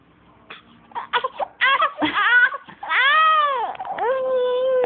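A baby gives brief fussy whimpers that build into a sustained wailing cry, after a sneeze; an ordinary infant cry.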